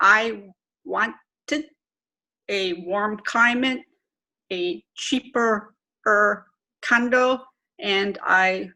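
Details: Adult woman, stroke twelve years earlier, self-reported severe aphasia with severe apraxia of speech; chronic post-stroke aphasia with apraxia of speech.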